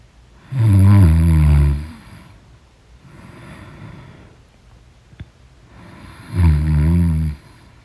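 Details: Loud snoring in deep sleep: deep, rattling snores on inhalation, two heavy snores about six seconds apart with softer breathing between.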